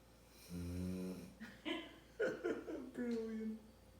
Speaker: little snoring dog. Happy Mm. and very content.